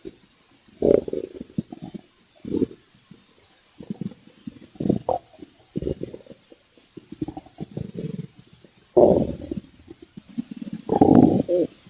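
Irregular low gurgles and rumbling bursts from the belly: ordinary hunger stomach growling, a normal bowel sound.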